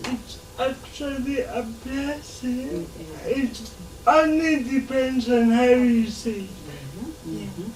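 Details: 26-year-old woman with lifelong cerebral palsy, speech affected enough that people often find her hard to understand; dysarthria (cerebral palsy).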